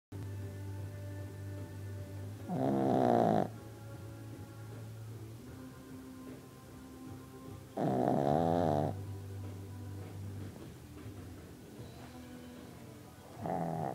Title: Cupcake snoring